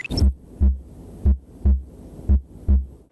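Regular low heartbeat thumps in paired beats at about 58 per minute; normal heart sounds.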